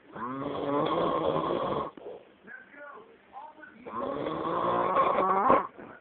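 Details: Adult man asleep and snoring very loudly: two long, loud, rattling vibrating snores with quieter breathing sounds between them.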